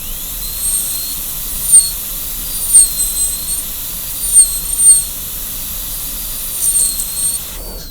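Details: High-pitched whine of a high-speed dental handpiece, rising and dipping in pitch while cutting 90-degree facial and lingual proximal box walls of a class II DO preparation on tooth number 5 during student teaching.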